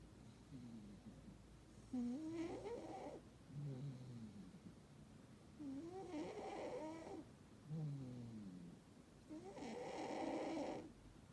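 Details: Sleeping Burmese cat: soft rhythmic snoring, about 15 breaths a minute, each with a rising, fluttering, slightly whistling tone; snoring.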